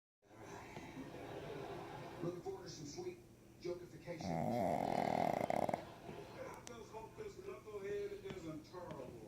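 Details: Sleeping dog, labelled as sleep apnea in dogs: rough, rattling breathing noises with one louder drawn-out snore in the middle; heavy dog snoring.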